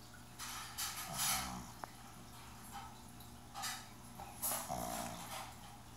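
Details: Pug sleeping with head resting on a table edge: snorting, wheezy snores with breaths, typical noisy breathing of a short-nosed dog; snoring.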